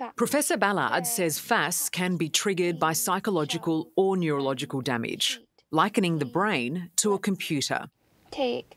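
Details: Adult female narrator; normal speech.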